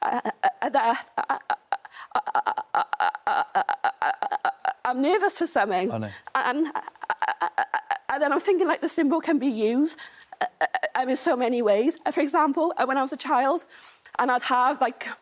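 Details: Stammer in a woman, a stammer campaigner.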